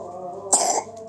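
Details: A single short, light cough or throat-clearing burst over steady background noise, described as a cute cough.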